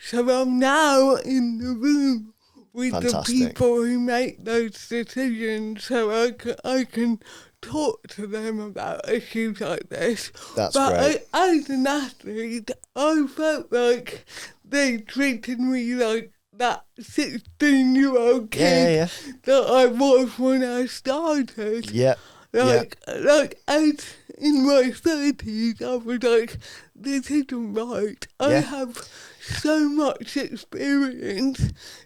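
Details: Adult woman, Paralympic dressage rider, with athetoid cerebral palsy from birth that affects her speech; real, not acted; dysarthria due to athetoid cerebral palsy.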